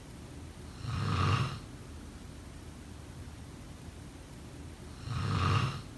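Two regular, rumbling snores about four seconds apart, roughly 14 breaths a minute, with quiet pauses between; typical sleep snoring.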